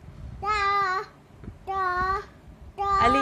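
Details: Young girl with a cochlear implant in speech therapy, reading or speaking in Hindi.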